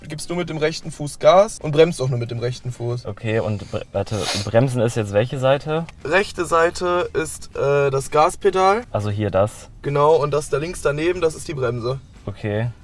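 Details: Adult male speakers, conversational German; no speech disorder.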